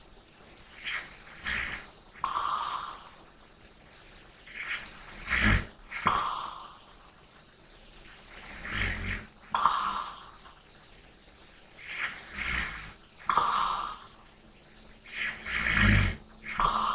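Soft snorting snores and airy breaths in sleep, about 15 breaths a minute, with light nasal whistling; mild snoring.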